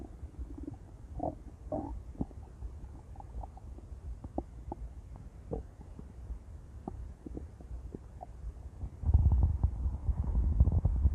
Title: intense stomach growls | (!!) - [REUPLOAD]